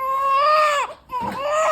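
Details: Newborn cry after a delivery that followed the mother's waters breaking at 37 weeks.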